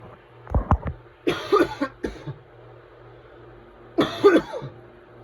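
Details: Adult whooping cough (pertussis) coughing fit: harsh, forceful coughs in clusters, typical of a paroxysm.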